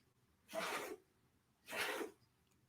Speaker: you hear my dog sneezing? Yeah. I was like, what is that? It sounds like an ice maker or something, crushed ice. It's a sneezing dog.